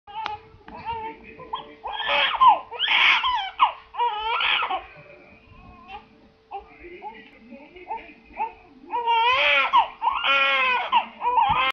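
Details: Young son crying in uneven bursts of wavering wails with catches and pauses, steady background hum; a funny-sounding cry.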